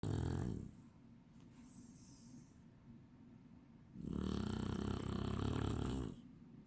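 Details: Chinese Shar-Pei dog snoring: deep, rattling snores in bursts separated by a quieter stretch of breathing.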